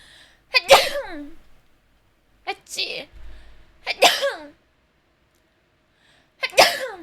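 Four sharp sneezes, each a quick high breath in then a forceful burst with voiced tail, separated by pauses.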